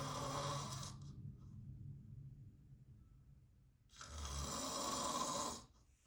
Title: FILMING MY DAD SNORING UP CLOSE (REQUESTED BY FANS) Enjoy !